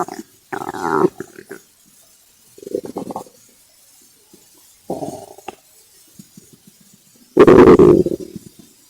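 Irregular gurgling and rumbling bursts of varying length, one loud long growl near the end; hunger-related bowel sounds.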